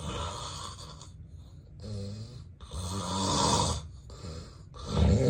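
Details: Adult napping, real unacted recording of sleep apnea with daytime sleepiness: heavy, irregular snoring with harsh rough breaths, snorts, uneven gaps and apnea pauses.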